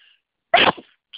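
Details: Person with tree-pollen allergy during a spring sneezing fit: a single loud, explosive burst of air with a brief trailing breath; sneeze.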